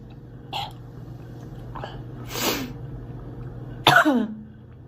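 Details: Girl giving three separate acted coughs, the last loudest with a short voiced tail, over low room hum; cough.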